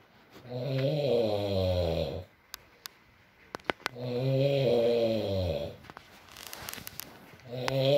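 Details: Loud, rattling snores about every four seconds with quiet pauses between, from a sleeping man, light rain in background; ordinary heavy snoring during sleep.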